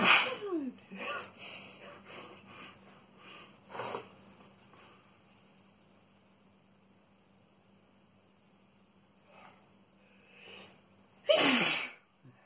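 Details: Boyfriend's sneezing fit: several sharp sneezes in a row, with sniffs between them, in a quiet room.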